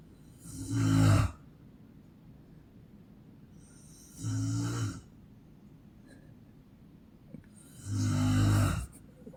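Three loud, rough, rattling snores about every three to four seconds, with quiet pauses between: heavy snoring.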